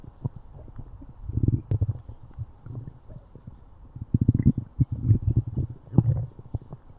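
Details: Stomach growling (borborygmi): low, irregular gurgles and rumbles in bursts from gut movement.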